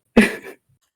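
One abrupt, explosive sneeze from an adult, heard at a distance in a small room.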